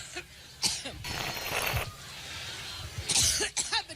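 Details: A woman coughs while speaking at a Cleveland campaign rally.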